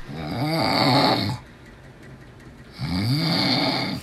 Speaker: so many snores sound like party snore is also one of our finalists okay it sounds like crankin an old lawnmower